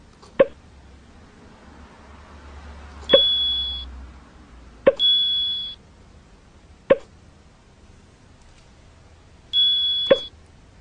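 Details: Puppy hiccuping very frequently: five sharp, short hiccup clicks over about eleven seconds, roughly 28 a minute, with electronic beeps in the background.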